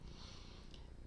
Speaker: sleeping right now as you can hear by the snoring boy over here